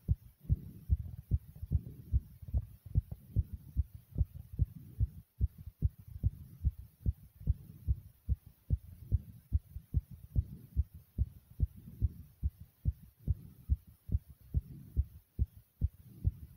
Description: My heart is beating really fast and hard here.